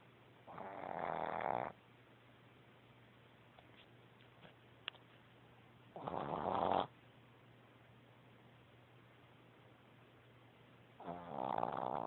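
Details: Louis gives three loud rattling snores at slow, even intervals, about 15 breaths a minute, with quiet room noise between; snoring.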